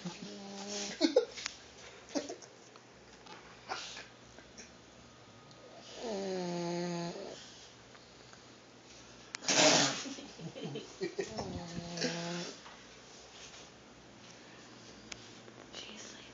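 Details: Irregular snorting snores with longer rattling breaths and a sharp snort from a sleeping pug, a flat-faced dog; snoring.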